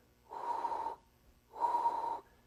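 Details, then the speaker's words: Voiced imitation by a lecturer of a holosystolic murmur: two even, steady blowing sounds of constant intensity, flat or plateau-shaped. "contrast that with a holosystolic murmur which keeps its same the same intensity all the way across it's also known as a flat or plateau-shaped murmur it sounds like"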